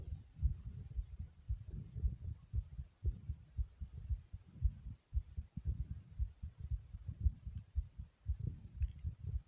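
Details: Forceful heartbeat after jumping jacks: strong, quick heart thumps at about 115 per minute, with faint breathing behind them.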